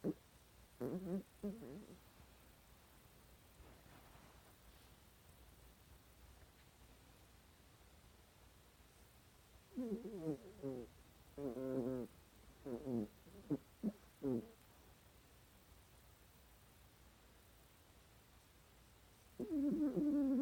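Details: Sleeping cat gives brief, fluttering, tonal snores in irregular clusters, separated by long quiet stretches. Snoring.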